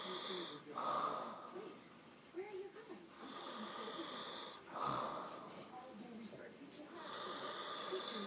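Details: Sleeper described as a non-snorer, snoring: slow, whistling, snorting breaths during sleep, about 15 a minute, with faint room noise; snoring.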